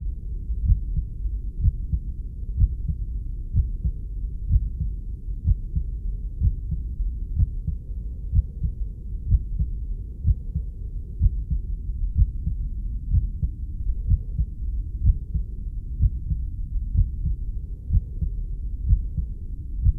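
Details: Normal heartbeat recording for sleep relaxation: steady, regular low thumps at about 62 beats a minute over a soft low hum.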